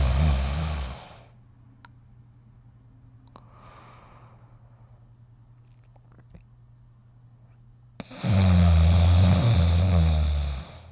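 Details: Snoring during sleep: two loud, low rumbling snores about eight seconds apart, with near silence and a faint steady hum between them.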